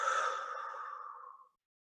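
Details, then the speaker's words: A respiratory physiotherapist demonstrates deep lateral costal breathing, one of four deep breaths taken before huffing, as part of an airway clearance exercise. "you will start with your with four deep breaths so your normal deep breaths like you did either diaphragmatic or lateral costal so I'm going to do lateral costal breathing"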